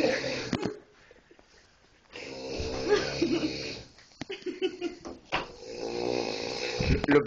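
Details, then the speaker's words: Man asleep snoring: loud, rough, rattling snores with sputtering bursts, partly mixed with voices talking in a small room. "es que ronca por las pompas"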